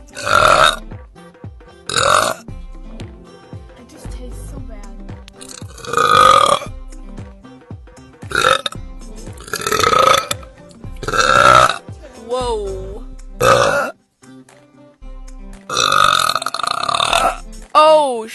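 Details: Girl burping from a compilation: about eight loud, drawn-out belches over background music, some long and rumbling.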